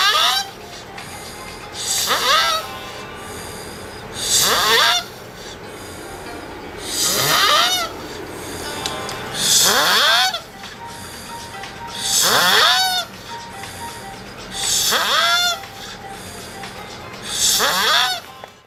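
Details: Loud, harsh snores about every two and a half seconds, roughly 23 a minute, with rising whistling tones on each in-breath; person snoring, enough to wake a bed partner.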